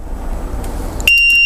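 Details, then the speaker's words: LTV home ventilator powered on: a loud, high steady electronic power-on beeping tone starts abruptly over low room hum; normal start-up alarm. "you turn it on you can hear the beeping it's very loud"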